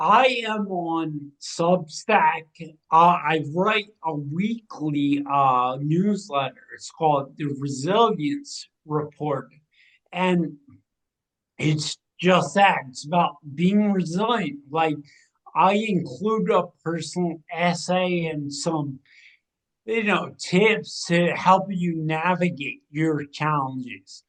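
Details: 45-year-old man with cerebral atrophy and ataxia, a rare degenerative brain disease diagnosed in 2013 (also given as 2014), progressing from 2020 with imbalance, motor decline and speech changes; ataxic dysarthria.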